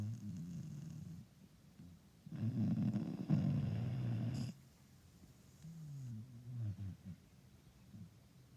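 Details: Female Istrian Hound, a Romanian rescue adopted at 7 months old, asleep: a loud, low, rough rumbling snore followed by softer snuffling breaths; snoring.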